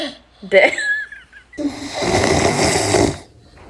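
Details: Friend snoring loudly while sleeping: a short squeaky whistling breath, then a long harsh buzzing, rattling snore on inhaling lasting over a second.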